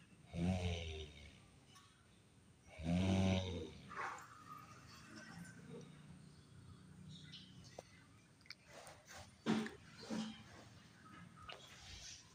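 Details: Surprisingly melodious snoring: loud, low, rattling snores on inhalation with quieter irregular breathing and snorts between them; snoring.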